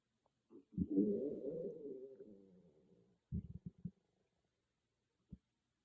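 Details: A loud stomach growling, recorded on an iPhone with no ASMR microphone: a long, low, gurgling growl followed by a few short bubbly pops; ordinary loud bowel sounds (borborygmi).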